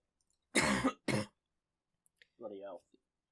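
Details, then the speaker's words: Two harsh, forceful coughs in quick succession, then a short groan; a persistent, unrelenting adult cough with a rattle the speaker describes as nasty. "that cough is nasty i hope you can't hear the rattle of it too much it's just absolutely it's diabolical"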